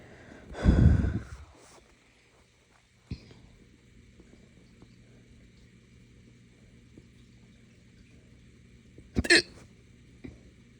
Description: Haven’t had them this bad in a while. Short case from drinking morning coffee too fast on an empty stomach